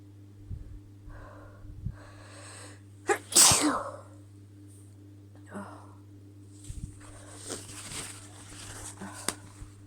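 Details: Female hitching sneezes: a few soft breathy catches as the tickle builds, then one sharp, explosive sneeze, followed by quieter breaths and small sounds.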